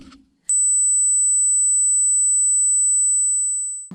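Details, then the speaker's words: A steady, very high-pitched pure tone lasting about three and a half seconds, played as a hearing test tone; likely the 8,000 Hz tone, with a 12,000 Hz test announced next. "we'll do the 12,000 tax if you're under 50 then you should be able to hear the beep"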